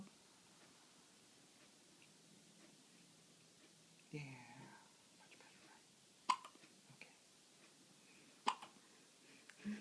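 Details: Baby girl's hiccups: two or three brief, sharp catches spaced a couple of seconds apart in a quiet room, with a soft adult voice; a gentle pat is suggested.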